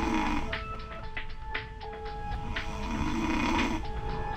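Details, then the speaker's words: Adult snoring recorded overnight on a snore camera, the sleeper unaware it was that bad: snoring. "now I know that I was snoring but I didn't know that it was that bad"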